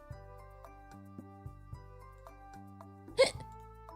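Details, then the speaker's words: A streamer with ongoing hiccups while chatting on a live stream: a single abrupt, sharp hiccup breaks through soft background music near the end; hiccup. "Okay, these hiccups, these hiccups will go."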